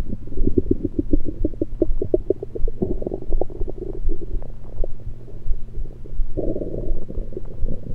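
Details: Irregular low bubbling gurgles and rumbles over the stomach, recorded with a USB electronic stethoscope; only liquids taken at the time, cause unknown to the recorder: ordinary active bowel sounds.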